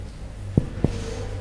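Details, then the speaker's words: Cardiac examination percussion over the right second intercostal space, tapping lateral to medial toward the sternum: two short, hollow finger-percussion taps give a normal resonant note. "you observe its resonant note we will percuss tell the sternum okay this is resonant all the way"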